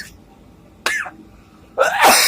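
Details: Adult man trying a vape coughs: two harsh, breathy bursts, the second louder and longer, after inhaling vapour; cough.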